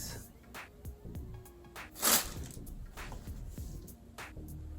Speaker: you hear that yes that's my stomach